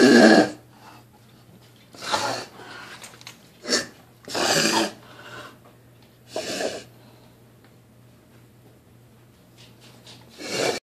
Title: Kennel cough